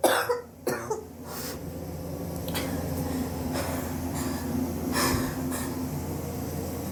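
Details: Several harsh coughs and throat-clearing over steady room hum; persistent cough over several weeks, self-suspected bronchitis, X-ray planned to check for pneumonia.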